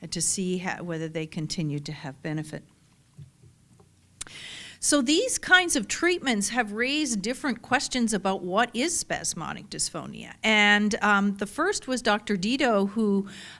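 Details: Adult speaker; typical speech.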